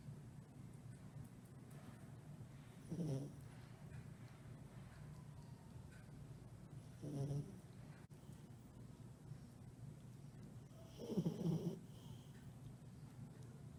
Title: 7/24/20 - Min pin snoring